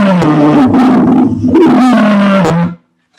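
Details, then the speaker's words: A sustained, higher-pitched, thin whistling musical tone made by mouth on breathing out, imitating an expiratory wheeze and contrasted with lower-pitched rhonchi. "Olha esse vírus Ele tem essa injeção as injeção de ar na hora que põe pra fora é um ficar mais íntimo vou fazer com a boca né mas dá para ver que ele é mais agudo"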